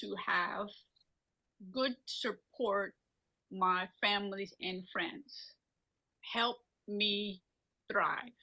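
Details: Non-fluent aphasia after a stroke in a woman speaking in her own voice, with halting, agrammatic speech.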